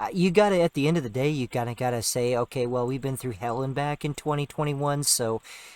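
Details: Adult male speaker; ordinary speech.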